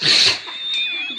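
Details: Dog greeting its owner's returning mother has a sneezing fit: sharp hissing nasal burst, then a faint high thin squeak in a quiet room; a single sneeze.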